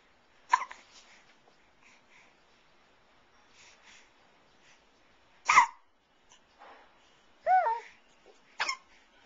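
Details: Hiccups in a 3.5-month-old baby: brief sharp catches at irregular intervals mixed with soft baby vocal sounds.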